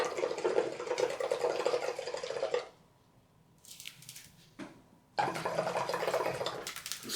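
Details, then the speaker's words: Continuous gurgling bubbling that pauses briefly then resumes: constant bubbling in the suction control chamber of a homemade chest drain simulator (hot glue, straws, canisters), showing suction is on. "see the constant bubbling in the suction control chamber tells you that you have suction and you always want suction"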